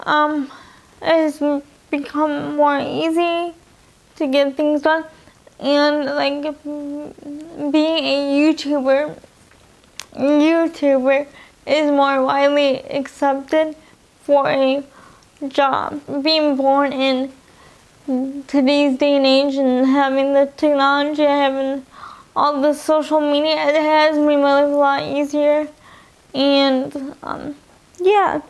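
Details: Young adult woman with spastic quadriplegic cerebral palsy from birth (in utero), affecting all four limbs; she uses a wheelchair. CP affects her talking and eating, and she has dysarthria.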